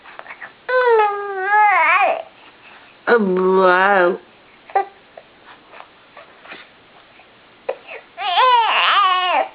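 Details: A baby with hiccups, also sneezing, cries in rising and falling wails with brief breaks and small catches between bouts: infant crying.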